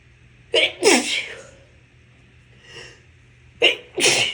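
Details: Adult with COVID infection, sneezing a lot: two forceful sneezes, each preceded by a sharp in-breath; repeated sneezing.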